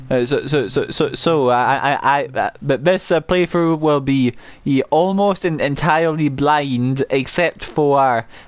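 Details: Adult male gameplay narrator who says he has a stammer he cannot control, particularly on words starting with m and w; repeated words audible; stuttering.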